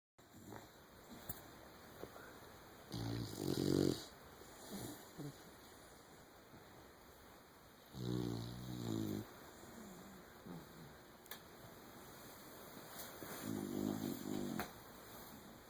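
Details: Snoring in two sleeping puppies: soft, intermittent nasal snores with a faint buzzing rattle over a quiet room hum.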